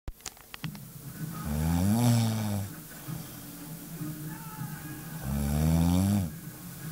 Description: a night in with my girlfriend. she never snors but this night it was like the living dead.